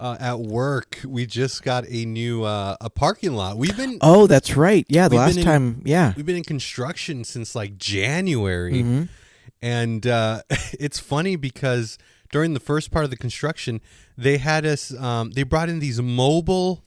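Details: Adult male conversational speech, with brief interjections from a second speaker; typical speech.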